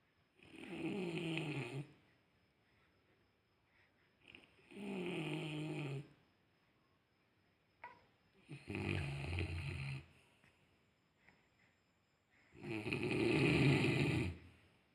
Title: Listening snoring first time.